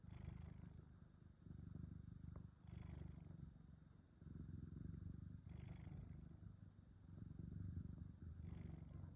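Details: Low, rumbling, fluttery purr-like noise rising and falling with each slow breath of a cat napping in the sun; snoring.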